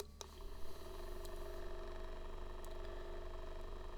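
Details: Quiet low motor hum with soft steady pulsing from an AchedAway handheld percussion massage device at level one (1500) after a click; ordinary device noise.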